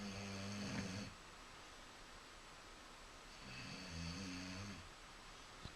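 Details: Kratos, a Bully breed dog, asleep: two slow, buzzing snoring breaths about two seconds apart over steady room noise; dog snoring.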